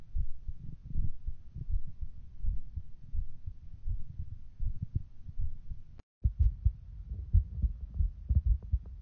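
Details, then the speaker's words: Person's own heartbeat picked up through a phone, from a TikTok compilation: soft, regular, low thumps, muffled and somewhat noisy with a brief dropout, a normal heartbeat. "Do you think I could hear my heartbeat? And try. I wonder. Can you hear anything?"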